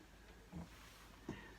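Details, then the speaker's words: Two short, low grunting snorts from a dog resting behind the speaker, heard over quiet room noise: dog grunting and snoring. "And that's my dog, you can hear grunting,"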